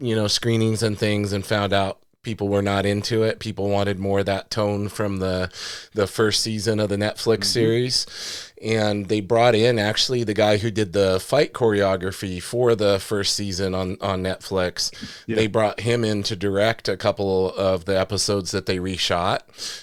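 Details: Adult male speaker; normal speech.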